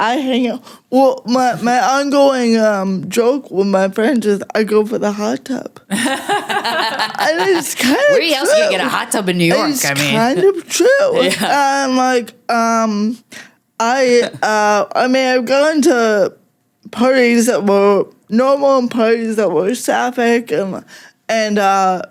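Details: Adult woman with cerebral palsy, which she says mostly affects her speech and makes talking harder, and also affects fine motor skills and her walking a little; she uses no mobility aid. Finding: dysarthria due to cerebral palsy.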